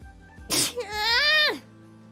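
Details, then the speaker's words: A streamer sneezes just as a livestream starts, a sharp burst of air followed by a drawn-out voiced sound that falls away, over faint music; she says the sneeze also brought a cough and a runny nose. "あくしゃみも咳も鼻水も出た。全部出た。今の勢いで。"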